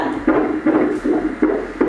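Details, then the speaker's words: Fetal heart on Doppler ultrasound during a pregnancy scan, baby moving a lot: fast, regular whooshing pulses about 155 a minute, described as exceptionally healthy; normal fetal heartbeat. "that's the heartbeat wow that's a healthy uh heartbeat right it's more than healthy it's absolutely exceptional"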